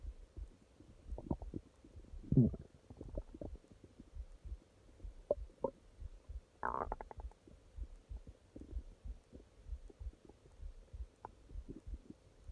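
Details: Stomach growling at night (part 2): quiet gurgles and squeaky rumbling bowel noises at scattered moments over a faint hum.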